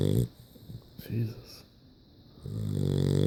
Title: Snoring dog